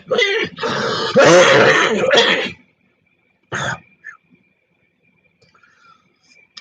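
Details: Coughing fit from an adult who is sick and unsure whether it is COVID or flu, and who had whooping cough as a child.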